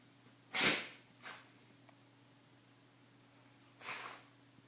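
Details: Shiba Inu dog with allergies sneezing: three sharp, hissing bursts of air, one strong and two softer.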